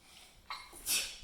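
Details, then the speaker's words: 6-year-old boy sneezing during a Dexcom G6 sensor change after his sensor failed: a soft in-breath, then a sharp, hissing sneeze in a quiet room. "Bless you."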